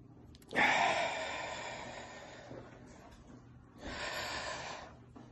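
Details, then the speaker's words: Demonstration of a deep breathing exercise for active Covid-19 infection: two long, deep, noisy breaths with five-second holds, cycles ending in a big cough to open the lower airways; deep breathing exercise. "so two cycles of deep breaths hold your breath for five seconds breathe out sixth breath on each cycle you will do a big cough to open up the lower Airways and cough up anything okay so I'm going to do that now"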